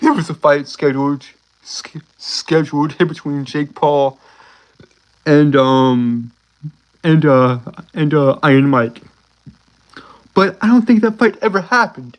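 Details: Stuttering in a male streamer, from a speech impediment he cannot control; he says he gets stuck mainly on words starting with "s", especially when excited.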